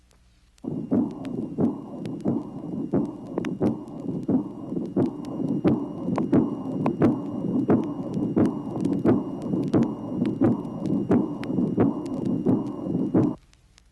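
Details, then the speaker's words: Heart sounds near 88 a minute in aortic insufficiency: soft blowing early diastolic murmur beginning with the aortic second sound, plus a systolic ejection murmur; aortic regurgitation, from a 1967 teaching phonocardiogram recording. "tracing number 20 aortic insufficiency presence of a soft blowing early diastolic murmur which begins with the second aortic sound there is also a systolic ejection murmur present"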